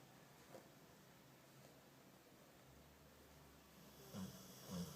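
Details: Dog named Nala, snoring while asleep: quiet room with soft breathing, then two louder rough, snorting snore breaths near the end.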